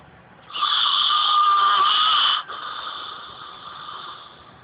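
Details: Person snoring in sleep, apparently unaware of it: one loud, high-pitched whistling snore that drops into a softer tone as it ends; snoring.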